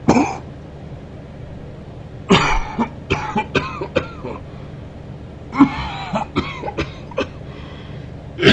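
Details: Adult man coughing during sleep: several bouts of short, raspy coughs in quick runs over steady low background noise; repeated coughing during sleep.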